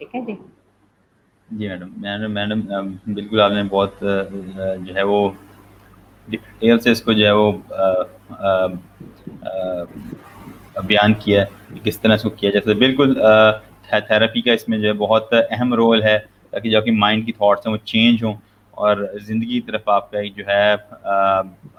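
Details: Stuttering in an adult man speaking Hindi/Urdu, who says he has worked a lot on his stammer and improved it.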